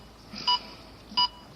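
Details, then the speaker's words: Training demonstration: AED metronome gives two short electronic beeps about 0.7 s apart to pace CPR chest compressions at 5–6 cm depth on a simulated patient, accelerating toward 120 compressions per minute. "Et on a juste à suivre le bip. Et il va accélérer au fur et à mesure pour atteindre un rythme de 120 compressions à la minute."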